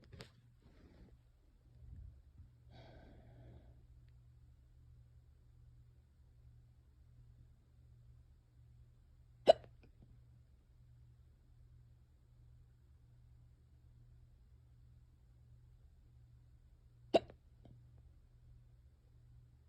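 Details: Quick, brief hiccups: two abrupt, sharp hiccups about eight seconds apart in a quiet room with low background hum.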